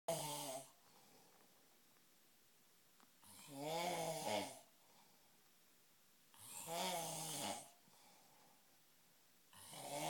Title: A Snoring Experience at Urbana 2012